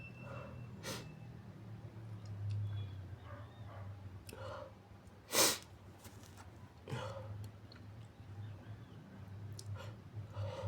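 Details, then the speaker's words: Muffled big sneezes among wet sniffles and snorting breaths in a quiet room, from a person with a runny nose who mentions a tickle before sneezing. "Oh, it tickles. Just sneeze. Oh, bless me."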